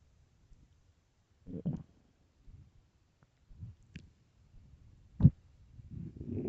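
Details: Early-morning stomach growls recorded for headphone listening: soft, low gurgles and brief squelching rumbles with quiet gaps; normal bowel sounds (borborygmi).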